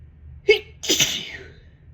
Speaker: So I've been cleaning, getting ready to sell my house. And the dust. I feel like I'm about to sneeze.